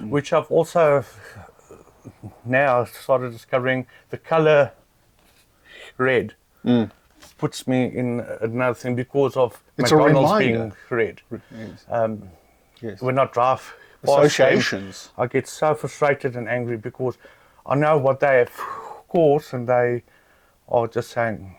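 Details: Adult man who stutters; stuttering.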